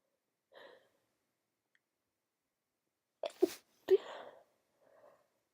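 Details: Sleepy woman with a cold: soft breathy inhales, then two sharp sneezes in quick succession and a quiet exhale; sneezing.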